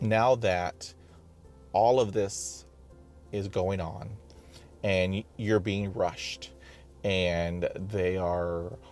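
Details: Real adult who identifies as a person who stutters and reports blocking while speaking; stuttering.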